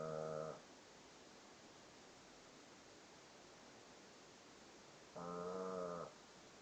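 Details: Snoring: two tonal, buzzing snore sounds about five seconds apart over steady room hiss.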